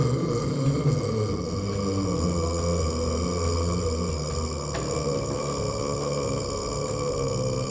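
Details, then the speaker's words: Prolonged burp at a world burping championship: one continuous, deep, droning belch lasting the whole stretch without a break; a deliberately prolonged burp. "Oh the one of the things I worry about and is that if I burp with too much force that all of a sudden you know what could be a 12-second burp will be condensed into an eight-second burr"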